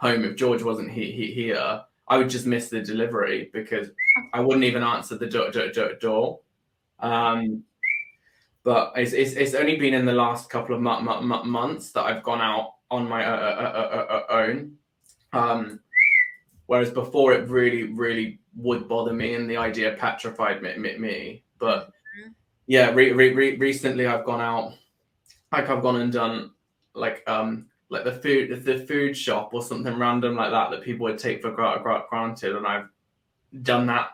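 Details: Adult man with Tourette syndrome that began about four years earlier after an illness with seizures and brain swelling, with motor and vocal tics plus a stammer that worsens under stress; Tourette syndrome with vocal tics and stammer.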